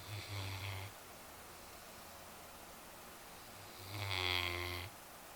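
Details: Female Newfoundland dog asleep in an unusual position after a long weekend of yard work: two long, rumbling snores about four seconds apart over quiet room noise.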